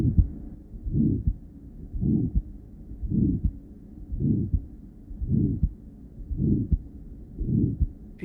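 Regular heartbeat near 55 a minute, each beat carrying a rising-and-falling systolic murmur followed by a crisp, clearly preserved second heart sound: aortic stenosis murmur, likely valve sclerosis.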